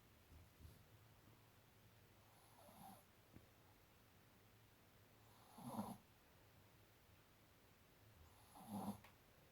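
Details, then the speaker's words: Sleeping Shih Tzu puppy snoring: soft snorting snores about every three seconds, roughly 20 a minute, over quiet room noise. "Lola, silent. Dexter, noisy tiny little fucker. Snores so bad."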